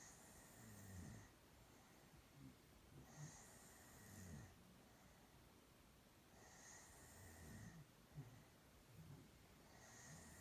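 Soft, rhythmic snoring of about 18 breaths a minute, with low rattling snorts as she breathes in and faint hissing as she breathes out. Snoring.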